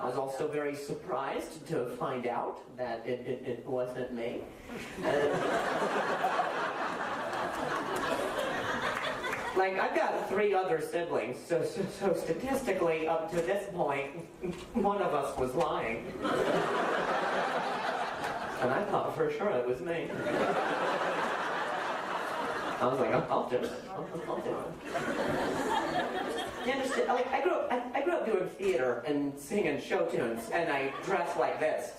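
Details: Adult man speaking to an audience; normal speech.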